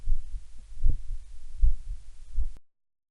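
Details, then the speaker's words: Heart sounds recorded by a stethoscope-microphone on a Raspberry Pi diagnosis device, denoised by spectral gating: regular low thumps at about 77 beats a minute with background noise removed, a denoised phonocardiogram. "to remove the noise the noise profile is analyzed and removed using spectral gating resulting in a denoise VCG"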